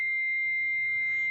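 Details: Steady high-pitched electronic alert tone from an AED used on an adult in cardiac arrest, sounding after heart-rhythm analysis as it signals a shock is advised.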